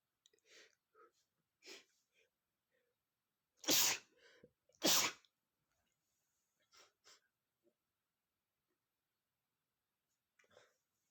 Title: male sneezing #31 (I sniff red peppers and sneeze powerfully ! )